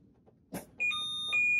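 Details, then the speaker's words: Electrosurgical unit with a solid return electrode pad, demonstration: a click, then a sharp sustained electronic alarm tone as the return electrode cable comes loose and disconnects. "there's an alarm that gets thrown or if this were to come become disconnected there's an alarm that gets thrown"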